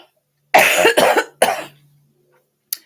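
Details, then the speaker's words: Three harsh coughs in a quick run, then a brief faint sound, from an adult who is still pretty sick with a recurring illness and is coughing during a livestream; the cough is described as really awful. "yeah this cough is really awful it's remember last year"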